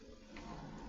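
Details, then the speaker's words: Automatic priming cycle of an enteral feeding pump after clearing settings for a new feed: brief steady mechanical whirring of the pump motor as formula runs through the tubing to check correct set-up; normal operating sound. "so pagka clear settings Syempre ito na yung Prime so kailangan niyo siya laging i-pre may auto diyan and then may auto Prime so pindutin natin yung auto"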